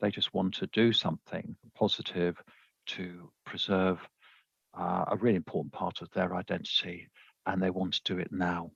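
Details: Dysarthria (slurred speech) in a man who uses a speech-captioning app, heard after the captioning was switched on.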